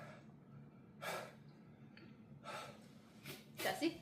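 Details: Adult gasping after eating an extremely hot 7 Pot Bubblegum pepper, tearing up with hiccups and awkward laughter: several sharp, breathy gasping intakes of breath between pauses over steady room noise.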